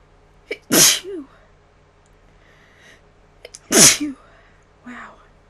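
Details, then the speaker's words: Sneezing, which the person says was induced: two forceful sneezes about three seconds apart, each with a brief breath-in before the burst, then a short voiced sound after. "um I had fun sneezing for you all uh hope you enjoy this video"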